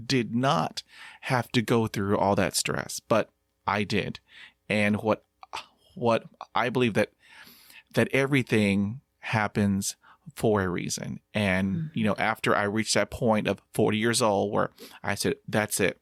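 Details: Stuttering in an adult man who uses diaphragmatic breathing and meditation; whole-word repetitions heard; stuttering.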